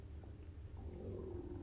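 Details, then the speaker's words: Low, drawn-out gurgling rumble from a young woman's belly, heard during a live stream, ordinary stomach growling (borborygmi); she remarks it rumbled and is embarrassed it was heard. "鳴ってるぐるぐるぐるって言った恥ずかしい聞こえた"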